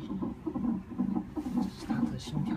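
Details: Rapid, regular whooshing fetal heartbeat, roughly 130 to 140 a minute, on a Doppler monitor in the emergency department, the mother attached to multiple instruments.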